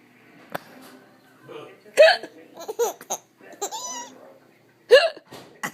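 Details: Mother's hiccups, abrupt voiced catches about every three seconds, between giggles and her baby's laughter as the baby finds them hilarious.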